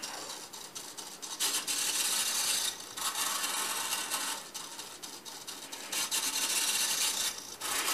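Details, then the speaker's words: Portable programmable bedside ventilator starting up: servo from boat sail winches drives wood-padded scissor arms squeezing a bag valve mask (Ambu bag), giving rasping, rubbing mechanical strokes as it begins cycling. "it's powered by a very powerful little servo from boats and sail winches mechanism here it just starts right"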